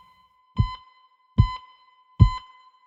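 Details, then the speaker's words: Hospital patient monitor: a steady high tone runs under three regular low pulsed beeps, about 73 a minute; pulse oximeter beeping. "that's a flat amplitude envelope and that's an unnatural sound in our environment the unnatural sound is effective at grabbing our attention"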